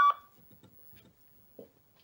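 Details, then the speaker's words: Single short audible beep from a talking blood pressure monitor (Life Source, A&D Medical) when its bottom speaker button is pressed to set voice language and instructions, followed by faint room sounds. "so it made that audible sound english and it tells me it's on the english instructions on instructions on and that's all the choices it gives me"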